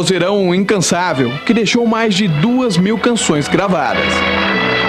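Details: Adult news reporter; Normal fluent speech.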